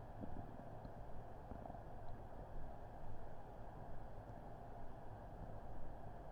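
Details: Human upset stomach recorded on Christmas Eve with a Blue Snowball Ice microphone: quiet continuous low rumbling swelling and fading every second or so over faint background noise, borborygmi.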